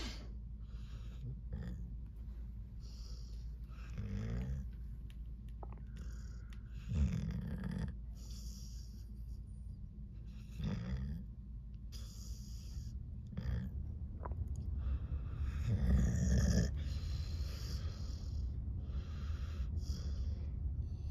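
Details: Snoring in a sleeping male who is said to be dreaming: low, rumbling snorts and snuffling breaths recur every few seconds over steady room hum.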